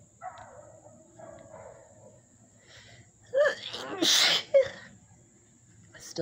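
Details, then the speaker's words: A loud sneezing fit blamed on dust after an itchy nose all day: faint voice, then a loud sneeze with a sharp in-breath, followed by another short sneeze. "It's my nose has been itchy all day. Finally, I feel like I'm getting some of this tickle out. These are very tickly sneezes."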